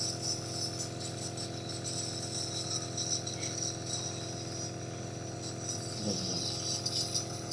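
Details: Compressor nebulizer running for a 7-month-old baby being treated for cough: steady motorized hum with a constant airy hiss.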